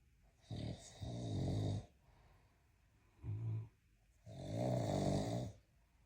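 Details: Big Mastiff dog snoring: loud, rattling, low snores with a snorting quality, two to three breaths in six seconds, in a quiet room.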